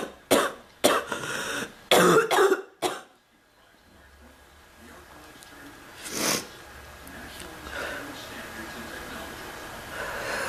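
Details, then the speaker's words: Ongoing cough, not improving, with chest discomfort; five harsh cough bursts in about three seconds, then quiet room noise with one faint breath; frequent persistent cough. "I'm still not any better. I've been coughing so much the bird learned to cough. Like, really? I hate that fucking bird. I was better off having bronchitis."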